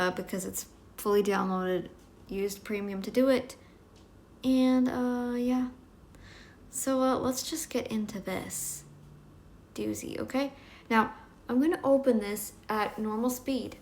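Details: Adult woman speaking; Normal speech.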